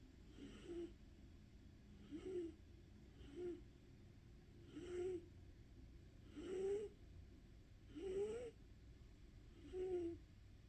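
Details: Soft, regular snorts with a slight whistling tone, about seven in ten seconds, from a sleeping, dreaming pet in a quiet room; ordinary animal snoring.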